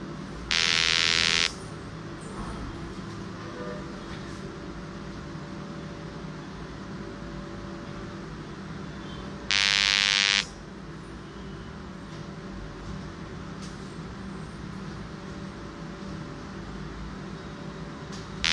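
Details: Repetitive peripheral magnetic stimulation (rPMS) machine in dynamic mode, applied along the nerve course in a diabetic neuropathy patient at a physiotherapy clinic to reduce neuropathic pain: two loud buzzing bursts about a second long, nine seconds apart, over a steady low hum.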